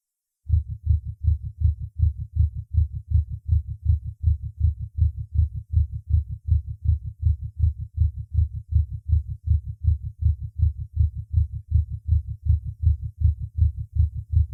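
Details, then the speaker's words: Patient with ischemic heart disease during a paroxysm of supraventricular tachycardia: very fast, perfectly regular heart sounds, well over 150 a minute. "пароксизмальная тахикардия аускультативно проявляется большой частотой сердечных сокращений обычно более 150 ударов в минуту при сохранении правильного ритма"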